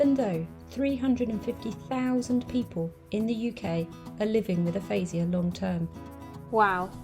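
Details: Adult woman speaking; normal fluent speech.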